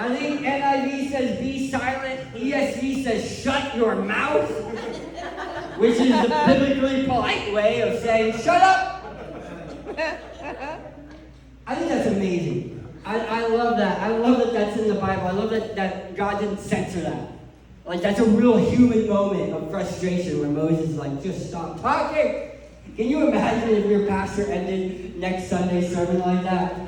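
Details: Adult man who lost 80% of his tongue to cancer, with a permanent speech impairment after partial glossectomy.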